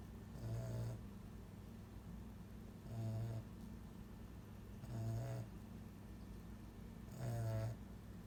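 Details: Regular low, fluttering snores about every two seconds over a steady background hum; the snorer's tongue is described as too big for the mouth, contributing to the snoring.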